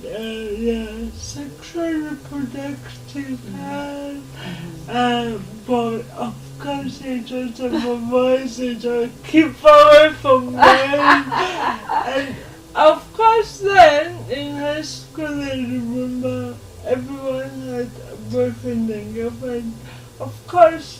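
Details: Dysarthria in a 26-year-old woman with lifelong cerebral palsy, who learned to talk much later than other children; real, not acted.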